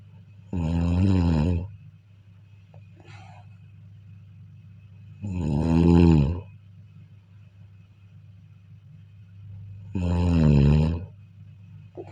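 Loud, harsh, drawn-out snores with a low rumble and a rising pitched tone, about three in twelve seconds; steady background hum.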